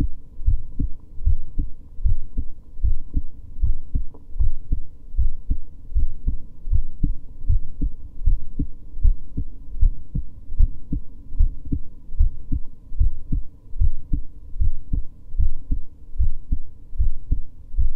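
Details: Normal resting heartbeat of a female: steady, regular rhythm at about 76 beats a minute; she reports recently getting episodes of tachycardia again.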